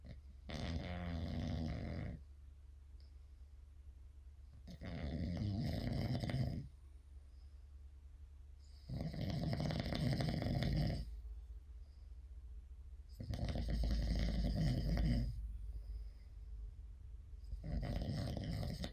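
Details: Snoring sound effect of a man: loud, rattling snores recurring about every four seconds, roughly 14 per minute, with quiet pauses between.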